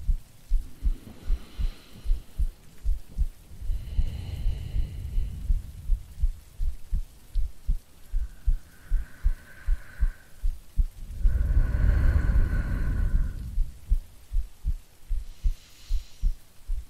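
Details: Steady low heartbeat thumps at about 77 a minute with soft breaths and rain in the background; a woman's normal heartbeat recorded for a sleep-aid role-play.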